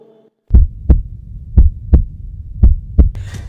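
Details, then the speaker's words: Heartbeat: slow, steady lub-dub pairs at about 57 beats a minute. "तो ध्यान से सुनो इस चलते हुए घड़ी के आवाज को और आप सुनो इस धड़कते हुए दिल की आवाज को"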